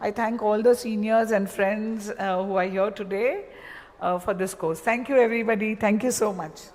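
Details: Adult woman speaking; normal voice.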